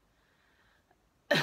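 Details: Adult recovering after over three weeks of a Covid-like viral illness with repeatedly negative tests and a low voice: after near silence, a single abrupt, harsh cough, cut off at the end.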